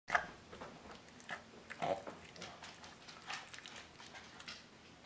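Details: Dog's episode recorded to show the vet: repeated snorting, honking breaths drawn inward, typical of reverse sneezing.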